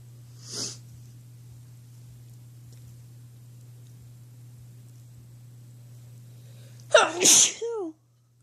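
Two sneezes over a steady low hum: a soft one first, then a loud explosive sneeze with a voiced tail.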